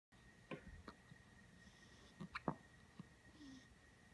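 A handful of short, sharp, irregularly spaced hiccup sounds from a fox over a faint steady background hum.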